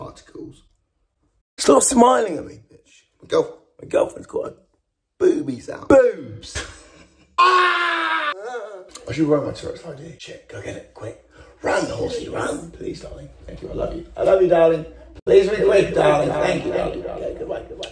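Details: Male speaker with Tourette syndrome, a neurological condition causing involuntary twitching, shouting, strange noises and often inappropriate language: Tourette syndrome vocal tics.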